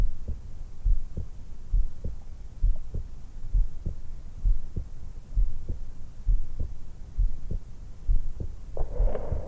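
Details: 20-year-old woman just after waking, lying supine in bed, stethoscope microphone on the suprasternal notch at the base of the throat: steady regular low thumps about 66/min with faint breathing underneath; normal resting heart sounds.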